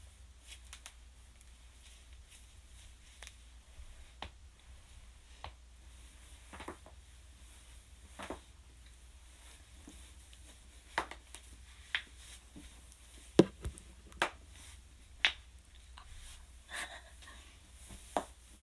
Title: cracking joints